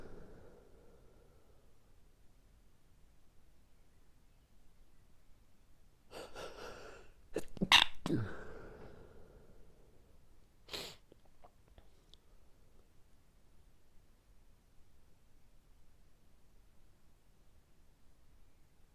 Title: Sneezy Mornings - Allergy Sneezing Fit - Morning Sniffles